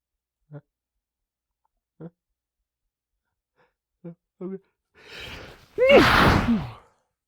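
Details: Male sneezing into tissues during a small fit: four brief hitching catch breaths build to one loud, forceful sneeze; sneeze.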